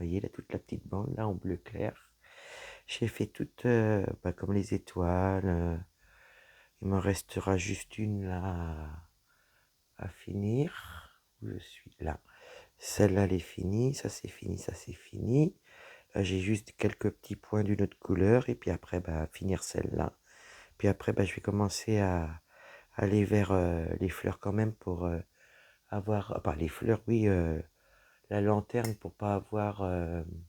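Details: Woman with dysphonia after a serious health problem damaged her vocal cords; her voice is lower than before, at times weak, and she cannot speak loudly.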